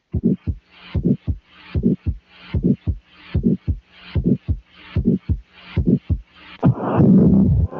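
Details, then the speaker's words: Heart sound sample of mitral stenosis: regular beat near 75 a minute with a loud first sound and a low rumbling murmur between beats. "This is mitral stenosis."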